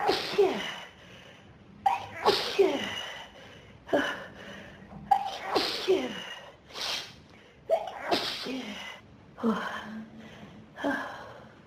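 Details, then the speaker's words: About eight forceful sneezes in quick succession, each after a sharp intake of breath: a sneezing fit in a person with pollen and dust allergies since about age 14, set off by dust in the room. "There's too much dust in this room. It's making me so weak to sneeze. It's teasing me. I'm gonna sneeze."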